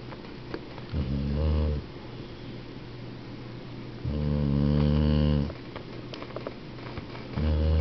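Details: 12-year-old dog snoring while asleep: loud, rumbling snores with each breath in, separated by quieter pauses; ordinary snoring.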